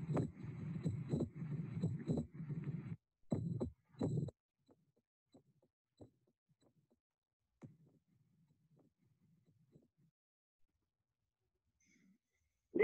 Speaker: listen carefully to the click sound during standing and squatting